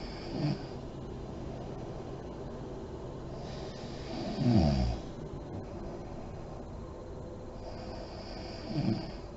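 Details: Adult woman (mom) snoring in deep REM sleep with lights on: three low rattling snores over about nine seconds, with quiet breathing noise between.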